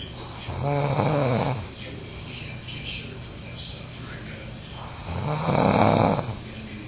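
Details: Uncle snoring: two loud, rattling snores on breathing in with quieter breathing between; ordinary adult snoring.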